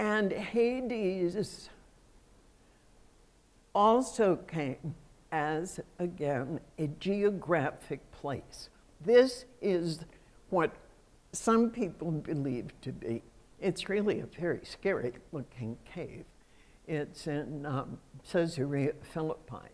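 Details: Adult woman who states she has spasmodic dysphonia, a voice condition she says comes and goes. Real speech showing spasmodic dysphonia.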